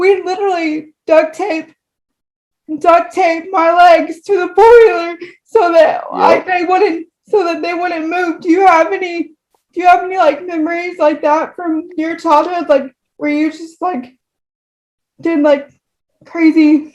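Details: Woman with cerebral palsy, moderate to severe, affecting all four limbs and her speech; frequent repetitions; dysarthria (cerebral palsy).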